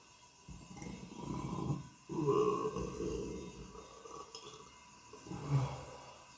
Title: Another black and white burping video lol